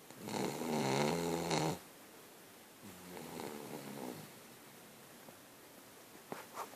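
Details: Italian Shih-tzu dog snoring: one loud, rattling snore followed by a softer, fluttering one, then quiet; snoring in a small flat-faced dog.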